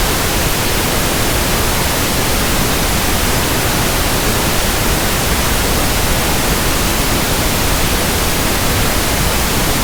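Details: Simulated pink noise for tinnitus sound matching and frequency testing: a steady, soft rushing static, even and unchanging, for comparing with persistent background tinnitus.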